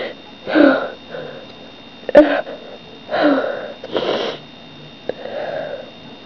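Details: Person who has been sneezing unusually often lately, cause unknown: repeated sniffs and several short, sharp sneezes in a quiet room.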